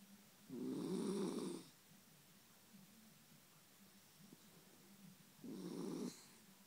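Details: Dog snoring while asleep next to its owner, sounding like a human: two loud, rasping snores about five seconds apart, with quiet breathing between them.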